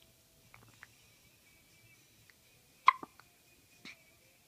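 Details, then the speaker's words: Baby with hiccups while having a bowel movement, music playing: a few short, sharp catching sounds in a quiet room; hiccups. "You got the hiccups? Oh. You're pooing and you have the hiccups."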